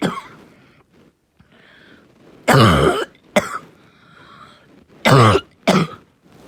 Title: Barking cough 2